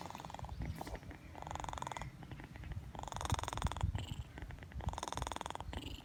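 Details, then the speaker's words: A cat named Tyoma snoring in steady cycles of about 33 breaths a minute, with rough, whistling breath sounds over a constant low rumble. "Слышите, как он храпит? Как это?"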